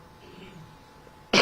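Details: Adult man speaking at a press conference, quiet room, then a sudden sharp cough followed by throat clearing, cut off at the end.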